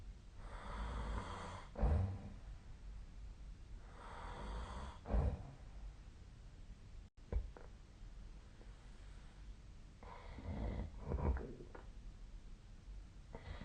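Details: Noisy sleep breathing with rough, snorting snores and soft gasps, about 18 breaths a minute, somewhat irregular; snoring recorded with the SnoreLab snore-tracking app.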